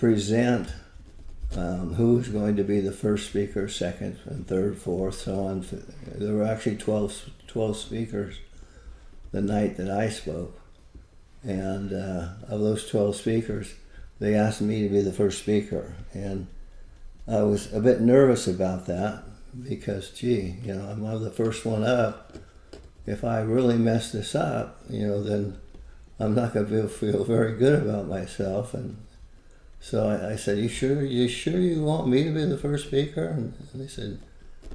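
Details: Adult man with Parkinson's disease for more than 20 years, with visible shakes and reported moments of "a stupor of thought"; Parkinson's disease speech with word and phrase repetitions, possible hypokinetic dysarthria.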